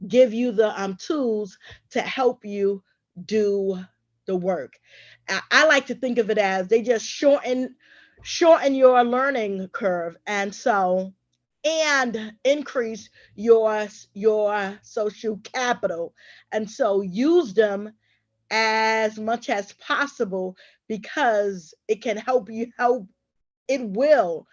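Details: Adult woman who says she is a stutterer and a traumatic brain injury survivor; stuttering.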